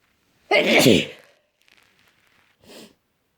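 One loud, forceful sneeze, followed after a pause by a softer sniff or breath.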